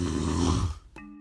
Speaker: this sound is me snoring I had never heard it before until I recorded it but every person that has slept next to me has suffered through it